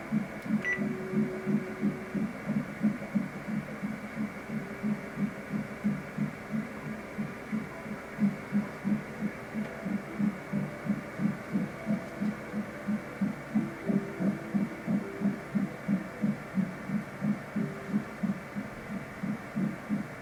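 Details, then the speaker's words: First ultrasound at about 9 weeks 2 days of pregnancy: fast, regular whooshing fetal heartbeat at about 176 beats a minute, from a heart about a third of a centimeter across. "it's a third of a centimeter so that part is about that big that's what we just listened to making that little noise"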